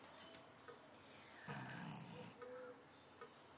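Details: A pug dog lying on her back in the bathtub after a bath, relaxing and refusing to get up, gives one loud, rough snoring breath between quieter breaths; snoring.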